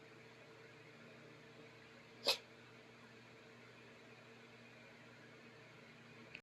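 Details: A dog coughs once, a single short, sharp burst against quiet room noise.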